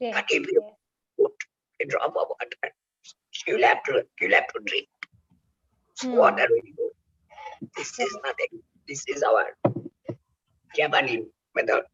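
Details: Real adult male whose larynx was removed for cancer (total laryngectomy), now speaking with oesophageal speech learned by the injection method of taking air into the oesophagus; finding: oesophageal speech after total laryngectomy.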